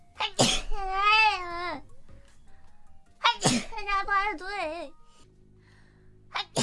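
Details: Compilation of sneezes: two forceful sneezes, each ending in a high, wavering voiced squeal, a third starting at the end, faint background music.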